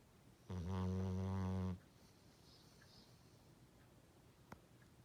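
A single loud, buzzing snore lasting about a second, followed by quiet breathing room noise and a brief click; ordinary snoring.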